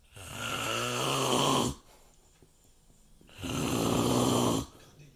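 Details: Heavy snoring in a sleeping man: two long, loud, rattling snores separated by a quiet pause.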